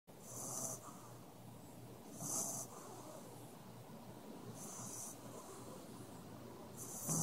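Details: French bulldog, a flat-faced breed, snoring during a nap: rhythmic snores with hissy, snorting breaths about every two to two and a half seconds.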